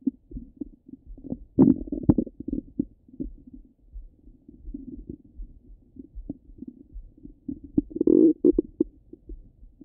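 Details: Half an hour of stomach rumbling: continuous low gurgling and bubbling bowel sounds with louder rumbling bursts; ordinary active bowel sounds.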